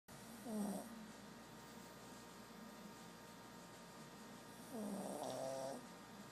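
Two nasal, snorting snore sounds from a small flat-faced dog, separated by quiet breathing; snoring.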